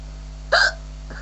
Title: ...Hiccups...